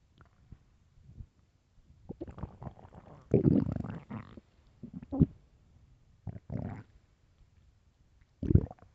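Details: Very hungry stomach: loud gurgling growls and drawn-out groans in irregular bursts; ordinary stomach growling (borborygmi).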